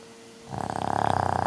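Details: Rhythmic, fast rattling, purr-like snoring in a sleeping animal after a quiet start; snoring.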